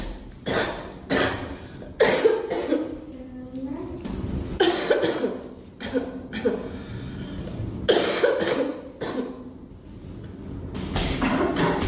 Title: girl coughing 4